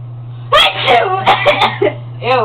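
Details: Sneeze deliberately provoked in a sneeze competition by tickling deep inside the nose: a sharp explosive burst with a voiced cry, then a few vocal sounds over a steady hum; sneeze, followed by coughing.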